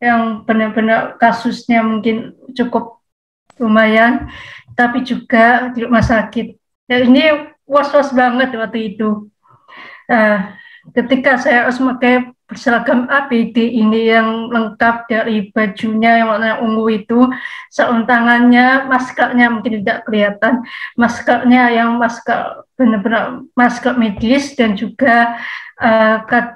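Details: Woman, 27, with profound hearing loss (100 dB left, 110 dB right), cochlear implant user since age 3; speech of a cochlear implant user with profound hearing loss.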